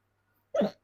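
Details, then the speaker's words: Person with hiccups while recording a movie-trailer reaction: a single abrupt, short voiced hiccup after silence. "Hiccup ரியாக்ஷன்ங்க hiccups வந்துருச்சு என்னால இங்க பாட்ட முடியல"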